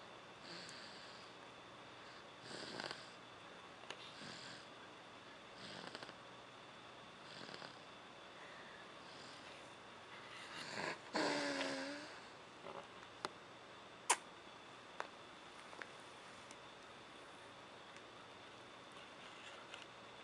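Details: Baby snoring: soft, rough snoring breaths about every two and a half seconds in a quiet room, with one louder snort midway; snoring.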